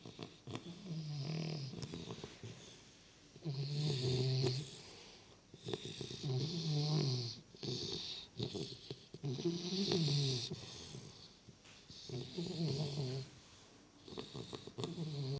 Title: Sleepy Little bulldogs baby loud snore